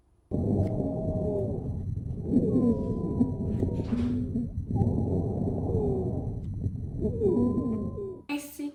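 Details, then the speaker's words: Simulated COPD patient in a student role-play, auscultated over the back while breathing on cue: rushing breaths with high, musical whistling across two breath cycles. The examiner reports rhonchi (wheezes/sibilant rhonchi), plus silent areas and crackles. "Donc lorsque je l'ausculte de vous, c'est un peu différent. Moi, ce que j'entends, là, dans le fond, c'est des ronchites."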